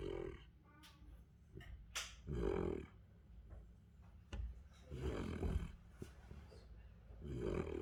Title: My Central Asian Shepherd snoring 😴puppy